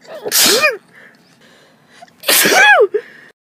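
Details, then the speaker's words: Adult with seasonal spring allergies (sneezing all day in March, itchy nose and throat, watering eyes): two forceful sneezes, each with a sharp intake of breath before it; repeated sneezing from allergic rhinitis. "I've been sneezing all day I'd like to stop now oh itches oh my throat's itchy"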